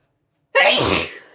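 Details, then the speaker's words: A single loud, explosive, covered sneeze after silence, trailing off quickly, induced by sniffing pepper; sneeze. "sorry that was covered I was gonna do a no covered sneezing like at all but hey"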